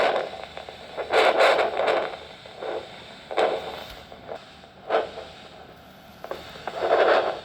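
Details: Handheld Doppler over the posterior tibial artery during an ankle-brachial pressure index (ABPI) assessment in a nurse-led clinic: rhythmic whooshing arterial pulses within normal limits; Doppler arterial pulse signal.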